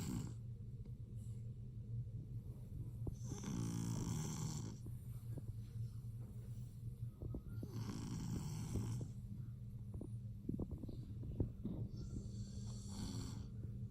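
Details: Lilac male BearCoat Shar-Pei puppy sleeping, steady low rumbling snore with rhythmic breaths and snorting noises; snoring.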